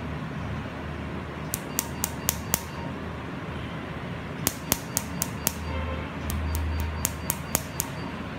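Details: Sharp snapping clicks of laser pulses over a low room hum during a laser tattoo removal treatment in a dermatology clinic; the patient is told it will cause a slight pricking sensation.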